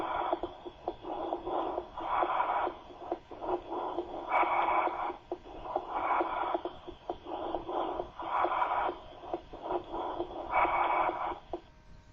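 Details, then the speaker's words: Harsh, hollow, tube-like bronchial (tubular) breath sounds over the chest wall with the heartbeat audible, a sign of consolidation as in pneumonia, acute pulmonary edema, tuberculosis or cancer; bronchial breathing. "por lo tanto es un signo de consolidación que encontraremos en neumonía edema agudo del pulmón tuberculosis Incluso en el cáncer escuchemos un soplo tubárico y Note Cómo se escucha el latido cardíaco"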